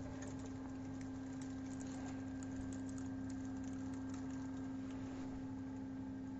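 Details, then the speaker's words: AJ15/16 dental chair during a hydraulic system reset, with the chair being raised to its upper limit: a steady low motor hum with faint ticking from the hydraulic pump. "then move the chair lower to the lowest position then put the backrest up to its limit then press zero button after that put the chair up to its limit"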